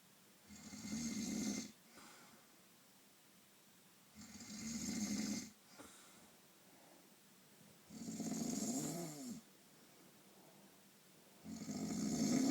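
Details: Snoring during a painful night's sleep: regular rasping snores on each inhalation, about 17 breaths a minute, with quiet exhalations between.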